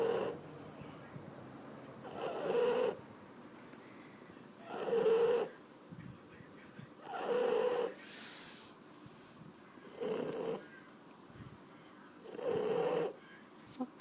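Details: Shar Pei dog snoring: regular buzzing, fluttery snores about 24 a minute, alternating with quieter out-breaths.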